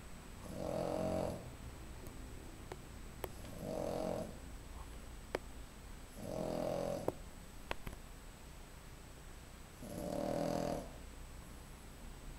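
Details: Bianca, owner surprised she actually snores, sleeping: four slow, regular rumbling snores about three seconds apart in a quiet room; snoring.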